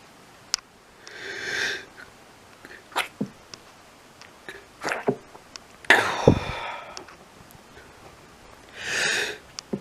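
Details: Person with a bout of lots of sneezing: several explosive sneezes in quick succession, with sniffs and breathy intakes between them.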